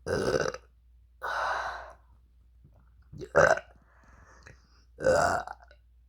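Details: Deliberate burps: four loud, voiced belches with quiet gaps between them; repeated burping.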